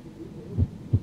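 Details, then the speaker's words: Bradycardia in a simulated virtual reality patient, heard by stethoscope over the heart: one low lub-dub about every second, a slow heart tone; possibly a third-degree heart block. "the first thing you notice about listening to this heart tone that is slow af my friend we need to get you treated"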